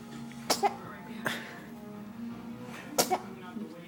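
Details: Three sharp, explosive sneezes in quick succession with background music; sneezing.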